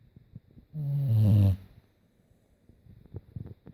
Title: Snoring pitbull (VERY LOUD)